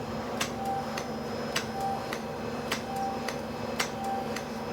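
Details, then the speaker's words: Sharp clicks about once a second, each with a faint beep, over room hum: radiofrequency microneedling firing overlapping pulses over a circled acne-scar area on a woman's face, in dark Hispanic skin, under nerve blocks. "we really want the area that i circled to be much stronger so we're going to do some overlapping pulses"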